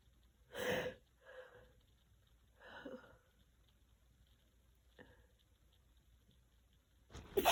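Several soft, breathy sneeze-like bursts with sniffs between them, ending in a louder burst. Sneezing with a cold.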